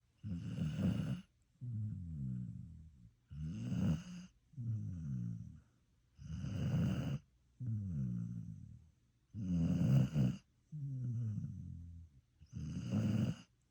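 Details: Rhythmic low rattling snores on both inhalation and exhalation, about 10 breaths a minute, from a sleeping dog; ordinary snoring.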